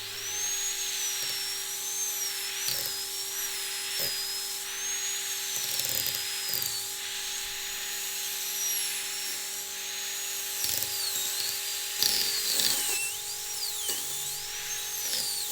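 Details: High-speed dental drill on a surgical extraction training simulator: high whine with shifting pitch over steady room hum while sectioning a three-rooted tooth into three single-root fragments.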